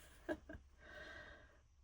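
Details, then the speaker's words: Sleeping dogs snoring in a quiet room: two short snorting breaths, then a longer, faintly whistling breath. "And Mhm. My dogs are snoring."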